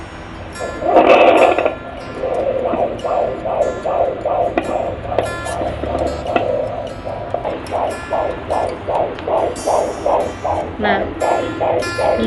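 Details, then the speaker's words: Fetal heartbeat heard at home with a Kimo fetal Doppler placed on the mother's own abdomen: fast, regular whooshing pulses at about 150 beats a minute, within the normal range. "muncul ya penyu jantungnya itu sekitar kira-kira 150 konsep 24 tentangnya"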